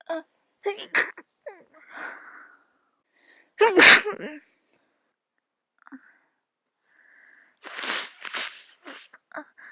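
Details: Person with a cold and itchy nose: three sharp, explosive sneezes with quick in-breaths before them; sneezing.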